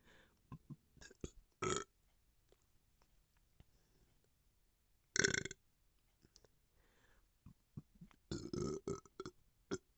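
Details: Several loud belches with quieter gulping and throat sounds between them in a quiet room, from a bloated, gassy person; repeated burping (eructation).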